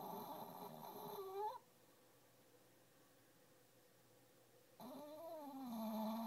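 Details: Female, snoring under a desk again, her favourite morning activity: two drawn-out, rumbling sleep breaths separated by a quiet pause; snoring.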